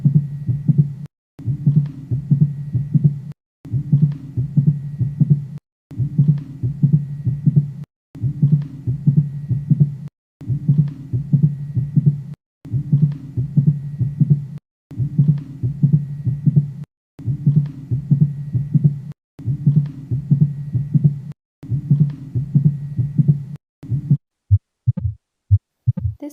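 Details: Repeated low heart sounds heard with stethoscope, with an extra click in mid-systole after the first heart sound and before the second: mid-systolic click.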